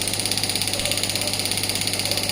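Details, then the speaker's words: Biotronix pneumatic radial shockwave therapy device (shockwave plus ultrasound combination) fired at maximum intensity against the operator's hand, who feels the shocks; rapid, even mechanical tapping pulses about fifteen per second over a steady hiss. "I'm taking the flow on my hand. I'm getting the maximum intensity and I'm also getting shock on my hand."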